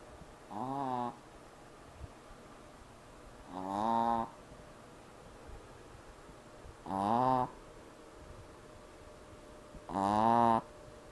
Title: jazzy snoring in cast